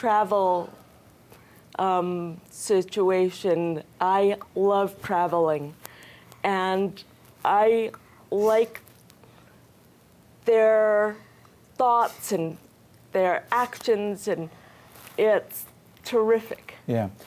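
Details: Woman with aphasia, a language disorder affecting communication, after a stroke in July 2010 at age 44; she attends an aphasia center for therapy two days a week; aphasia.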